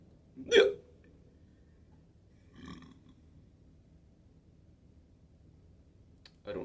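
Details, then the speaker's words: Adult fighting hiccups, pitched around G sharp 4, while trying to sing rhythmically to stop them: a sudden short voiced hiccup, then a fainter one about two seconds later, in a quiet room. "I was tuning my guitar a second ago and it turns out that my hiccups are in a a G sharp 4."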